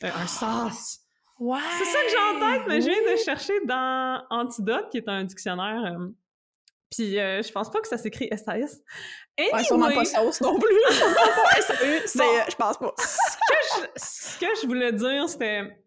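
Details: Stuttering in an adult woman who describes her stuttering as including blocks, eye closing and head movements.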